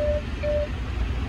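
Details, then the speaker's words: ICU cardiac monitor alarm for a baby on oxygen, SpO2 limits set at 98 high and 89 low, reading too high so oxygen is turned down: two short steady beeps with a flashing light, over low room hum. "when an alarm goes off high or low you will hear a beeping and a flashing light"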